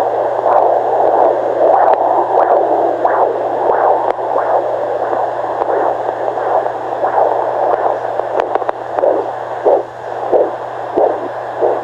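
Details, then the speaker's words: Fetal heartbeat at 18 weeks of pregnancy on a home Doppler: rhythmic whooshing pulses through a steady hiss, found after first picking up what was thought to be the placenta. "there's the heartbeat there's the baby's heartbeat"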